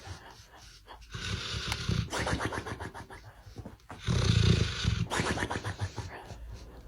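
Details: Sleeping dog snoring: rapid, rumbling, snuffly snores in uneven bursts with soft snorts between.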